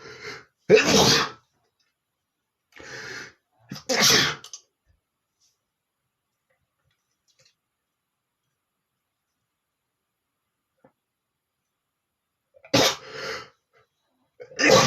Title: sneezing male #6 (sneezing loudly)